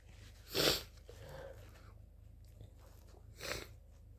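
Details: Two loud, wet, explosive sneezes about three seconds apart, with congested breathing between them; sneezing during flu.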